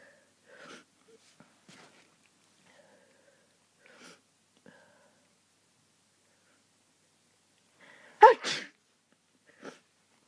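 Several faint stifled sneezes, then one loud full sneeze followed by a smaller one; a hay fever sneezing fit.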